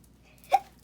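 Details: Hiccup from a young girl trying to sing happy birthday: a single short, sharp voiced gulp in a quiet room.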